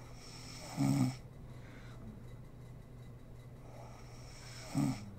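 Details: Adult woman (mother) asleep, recorded for ASMR: two short, low rattling snores about four seconds apart over steady room hum; snoring during sleep.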